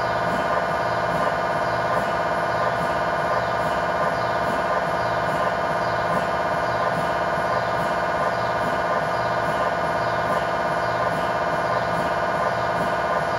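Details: Continuous loud mechanical drone with fast even pulsing about 170 a minute during a tibia/fibula lower-leg MRI sequence with a GE high-definition lower-extremity coil (stated as 16 or 8 channel), test scan in scan room; normal MRI scanner noise.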